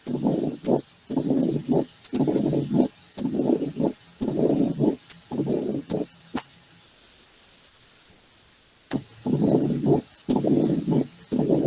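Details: Long, low rumbling diastolic murmur repeating with short gaps, about 58 cycles a minute, with a brief pause midway, played as an example in an internal-medicine valvular disease lecture; mitral stenosis diastolic rumble.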